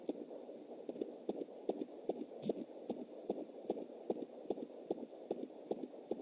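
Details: Fetal heartbeat at 20 weeks + 7 days on a Jumper home Doppler through an anterior placenta: fast, regular whooshing galloping beats at about 150 a minute, a normal fetal heartbeat.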